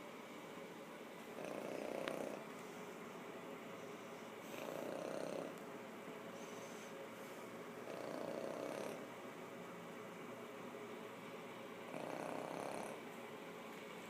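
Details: Soft, regular buzzing snores about every three and a half seconds, roughly 17 a minute, from a sleeping cat, apparently dreaming; gentle snoring.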